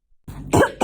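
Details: A girl playfully imitating the sound of a cough, with laughter around it.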